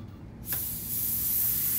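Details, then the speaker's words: Steady loud hiss of oxygen escaping at a cylinder exit valve, during a granola heat-of-combustion experiment. "can hear air, oxygen escaping at this valve, this exit valve. If I close this, I'm now filling the cylinder, but I can hear oxygen escaping."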